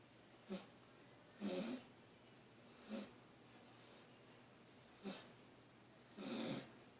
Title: Dog Snoring